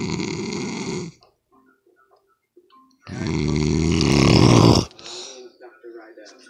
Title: What kind of snore is this part 2